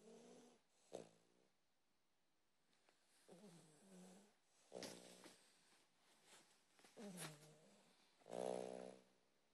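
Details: Dog snoring during sleep in a quiet room: soft, irregular snorting and rumbling breaths, the longest near the end.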